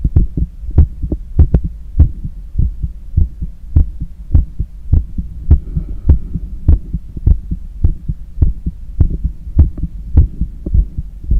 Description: Visible neck veins and pulse, breath play and cardiac auscultation during cool down after a long run.